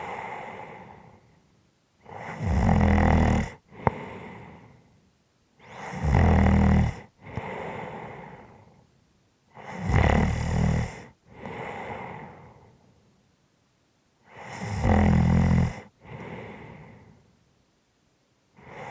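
Regular cycles of loud, rough snoring on each breath in, followed by a softer breath out, at about 13 breaths a minute: heavy snoring.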